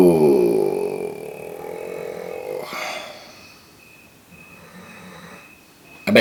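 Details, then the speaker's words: Snoring from a sleeping dog: a loud rattling voiced snore on the breath in, then a breathy sigh out and a softer second snore. "can hear him snoring now can't you flash wake up flash bro he is snoring so loud i am so sorry if you can hear that"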